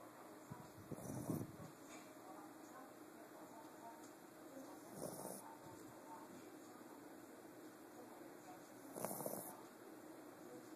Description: I was on my bed relaxing, all of a sudden I heard my pomeranian snoring! ;D how frking adorable!